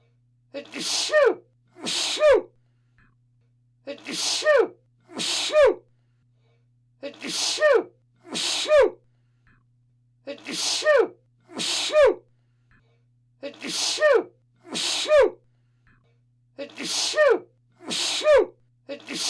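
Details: Repeated paired sneezes, each a sharp inhaled catch followed by a forceful burst, about twelve in all; sneezing.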